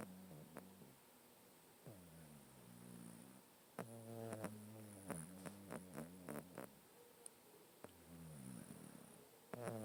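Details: Sleeping pet cat, male, snoring close up as it does daily: low, buzzing, rattly breaths with soft purring-like sounds; snoring.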